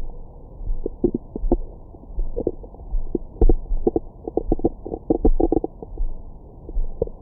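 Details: Bowel sounds recorded with a Stemoscope stethoscope microphone on the belly after a large meal: frequent irregular gurgles and squeaks, active bowel sounds.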